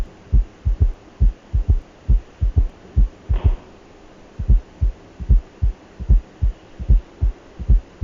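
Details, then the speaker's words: Regular paired low thumps at about 74 beats a minute, briefly interrupted by a rustle: heart sounds heard with the bell of a stethoscope during a cardiovascular physical examination demonstration. "Selanjutnya kita akan melakukan pemeriksaan dengan pemeriksaan auskultasi bunyi jantung tambahan dengan menggunakan pel stetoskop."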